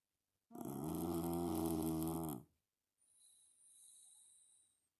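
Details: Snoring dog: a long, loud, buzzing snore on one breath, then a quieter hissing breath out.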